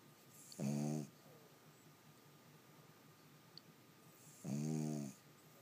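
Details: Boston terrier snoring while sleeping: two loud, rattling snores on breathing in, about four seconds apart, in a quiet room.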